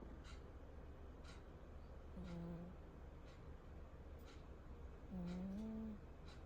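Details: A sleeping cat snoring softly with tonal, whistling snores about three seconds apart over a ticking clock.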